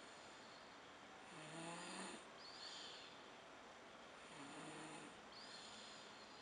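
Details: Sick child snoring in her stroller: two soft, rattly snores over steady background hiss, each a low buzzing inhalation then breathy exhale, about 20 breaths a minute.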